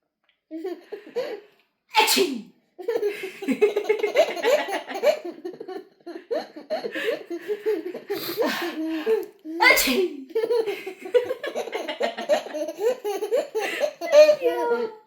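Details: 11-month-old baby: several short, sharp infant sneezes among babbling and adult laughter; ordinary baby sneezes.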